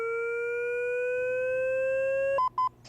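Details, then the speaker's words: LIFEPAK 20e defibrillator/monitor in AED mode: after shock advised, a rising electronic charging tone climbs steadily, then short high beeps signal the charged device ready to shock; unpushed charge cancels after 60 seconds; defibrillator charging tone. "if it's not safe to push the shock button you can press the speed dial to cancel the charge or if you don't push the shock button within 60 seconds the defibrillator will automatically cancel the charge"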